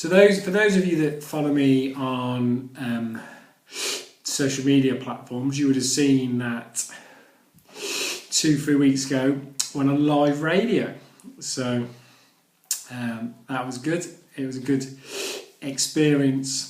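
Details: Adult who stammers, speaking in his own vlog; stuttering.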